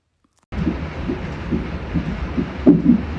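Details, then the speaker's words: Ultrasound Doppler fetal monitor during induced labour with a second baby boy, mother with pregnancy diabetes: fast, regular whooshing pulses from the monitor speaker, a fetal heartbeat near 140 beats a minute. "there was some kind of ultrasound device to check and monitor the heartbeat of baby at this time my baby was constantly kicking you guys since the sound uh from the speaker was on to hear his heartbeat all the time"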